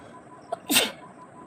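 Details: Self-induced sneeze from a woman tickling her nose with a twisted saree end (aanchal) in a nose-sneezing challenge; a brief intake of breath, then a single sharp, hissing sneeze burst.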